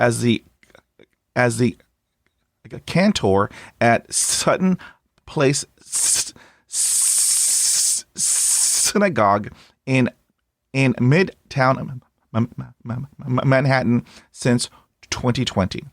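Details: Adult male who stutters since age seven, severe, with blocks, repetitions and secondary facial behaviours; stuttering.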